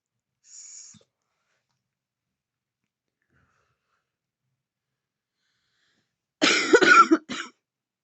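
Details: Woman vaping in bed: soft hissing inhalation, a long silence, then a short burst of harsh, heavy natural coughs after vaping.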